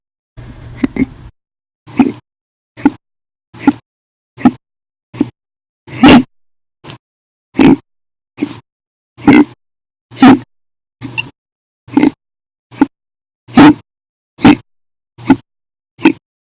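About 19 short, sharp hiccups in 16 seconds, each a sudden catch of breath with a brief vocal click; repeated hiccups.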